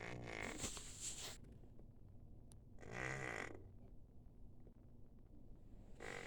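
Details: Former stray cat with inflamed pharynx and lymph nodes, feline leukemia and a heart tumor, on antibiotics and steroids; low rattling snore-like breathing, stertor.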